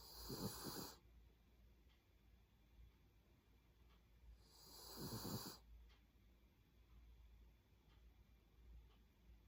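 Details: Snoring from a small pet dog, a Lhasa Apso.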